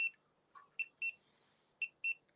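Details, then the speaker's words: Pulse oximeter low-saturation alarm: short high-pitched beeps in quick pairs in a quiet room, reading 89% oxygen saturation, in a patient with cancer. "Right, I've got the fear. We don't want to hear any beeping, right? Beeping. Not too bad though."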